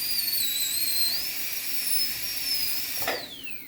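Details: High-speed dental handpiece cutting during anterior tooth crown preparation (PFM crown): continuous high-pitched whine wavering under load, then winding down.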